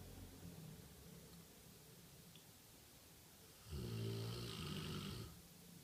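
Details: One-year-old Rottweiler taking a nap: quiet breathing background, then one loud, rumbling snore over a second long during sleep, like a grown man's snore.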